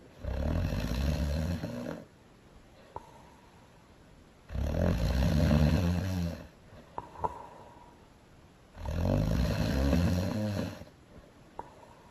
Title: Frozen - Elsa snoring loud